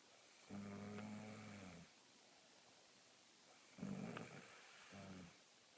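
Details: Woman asleep, snoring loudly: two loud, rough, low-pitched snores on breathing in, a short softer snore after the second, quiet between them.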